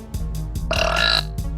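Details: A girl burping during a burping contest: one loud, long, throaty burp with a low rumbling tone and a shorter croak on either side; ordinary belching.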